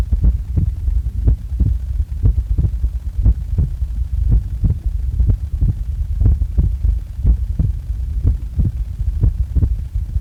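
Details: Heart sounds recorded just after waking up: steady paired low thumps at about 60 beats a minute with a low hum beneath; normal resting heartbeat.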